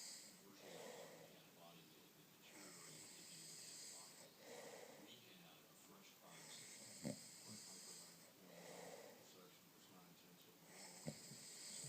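Soft, slow breathing with a light snoring rasp about every four seconds, under steady background hiss: quiet snoring.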